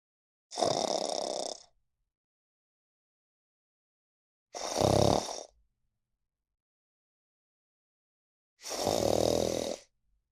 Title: 😴 “The Sleepiest Cat on the Internet (You Won’t Believe These Snores!)#funny #cats #shorts